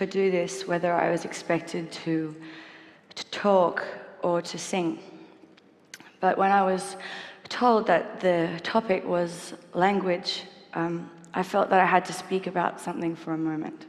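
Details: Stuttering in a 28-year-old woman, a singer-songwriter, who has stuttered since childhood; she copes by avoiding the "st" combination and proper nouns and swapping words at the last minute, and does not stutter when singing.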